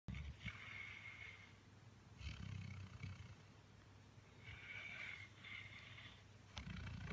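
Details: Sleeping, dreaming male chocolate Labrador: soft, rough snoring breaths recurring through quiet background hiss.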